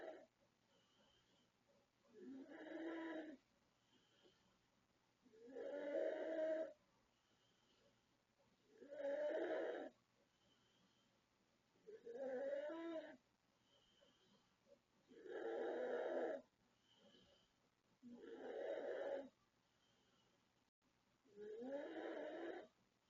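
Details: Loud snoring from a 36-year-old woman asleep: rough, rumbling snores about 19 times a minute, with quiet pauses between them.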